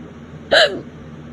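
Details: A single sharp voiced hiccup over background hum, late at night, during a violent bout of persistent hiccups lasting over half an hour.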